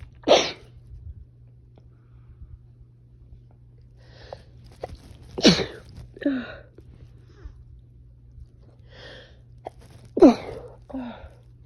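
Three forceful sneezes about five seconds apart, each with a sharp inhaled build-up, in a quiet room; a sneezing fit consistent with allergies.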